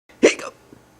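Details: A single sharp, abrupt voiced hiccup from a person: hiccups.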